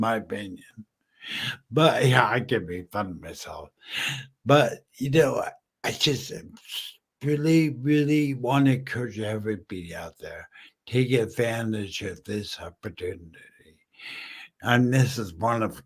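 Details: Male stroke survivor 14 years after a stroke from a brain aneurysm, totally mute at first, who uses slowing down and over-articulating as strategies; post-stroke dysarthria.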